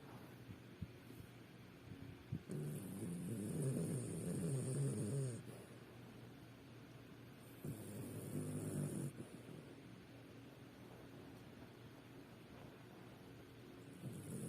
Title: Snoring While my Dog sleeping